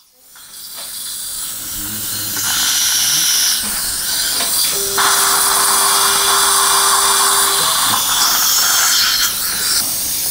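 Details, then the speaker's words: Dental implant surgery at site #16 in a 63-year-old male using a OneGuide surgical guide with GBR on the palatal side: high-pitched whining drill with hiss and suction during 4.5 x 10 mm drilling; bone quality not very good. "4.5 by 10 millimeter drilling is done bone quality is not very good"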